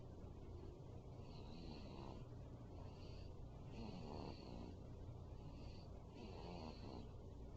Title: Feb 28-09 - Zoey Snoring - 5 weeks